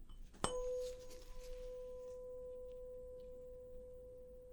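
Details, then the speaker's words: Simulated ASMR roleplay of a physical exam, Weber hearing test: a struck tuning fork placed on top of the head gives a steady, pure hum that slowly fades, then a soft voice resumes. "first test i'm just going to strike the tuning fork and i'm going to put it right on top of your head okay i want you to tell me whether you hear the sound more on one side the other or right in the middle okay"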